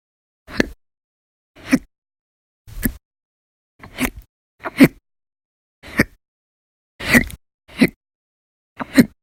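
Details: Nine short, abrupt gulping hiccups about one a second, from a person with persistent, violent hiccup bouts lasting hours at a time over November 1–20, 2019.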